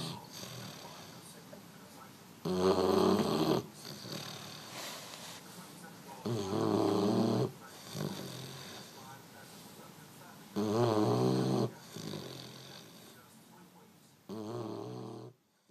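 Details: 11-week-old French Mastiff (Dogue de Bordeaux) puppy snoring while asleep: loud, rumbling snores, about 15 breaths a minute, with quieter breathing between.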